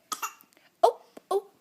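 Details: 3-month-old infant with hiccups: three brief, abrupt voiced catches about half a second apart, with faint sounds between.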